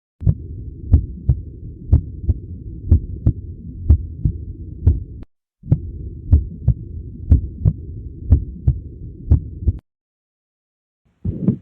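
Regular low lub-dub heartbeat about 60 a minute with a steady hum beneath, normal heart sounds.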